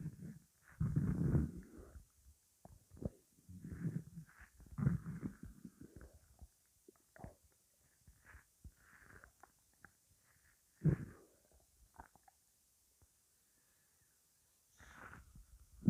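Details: Low, gurgling stomach rumbles coming and going in irregular bursts with quiet gaps, ordinary bowel sounds from gas and fluid moving through the gut; the person calls the noises weird.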